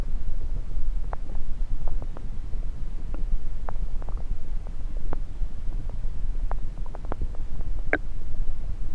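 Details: Bowel sounds, heard through a stethoscope placed on multiple parts of the abdomen during a self-recorded session: scattered short gurgles and clicks over loud stethoscope rubbing noise.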